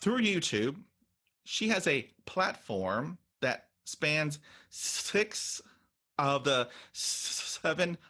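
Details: Adult woman who stutters, an author and content creator, says stuttering hurt her job search and interviews; stuttering.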